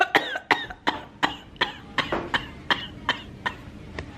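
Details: About ten rapid, voiced coughs in a steady run at about three per second, deliberately faked as a prank; fake cough.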